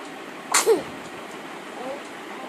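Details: A single sharp sneeze, a brief intake then an explosive release, against quiet room noise; sneezing twins.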